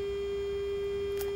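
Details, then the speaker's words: Omnisense 8000S ultrasound bone sonometer calibration on a phantom: steady, pure, unbroken tone during the third measurement cycle, started by foot pedal. "I'm going to hit the foot pedal again and we're going through the third cycle"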